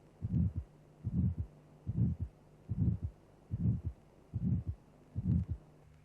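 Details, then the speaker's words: Ejection systolic murmur of aortic stenosis in a cardiac auscultation teaching programme: regular heartbeat about 73 a minute with a triangular, rising-then-falling systolic murmur in time with the pulse, followed by the second heart sound. "first note the m m is systolic in time with the pulse the murmur has a triangular sound envelope increasing to a peak intensity then decreasing"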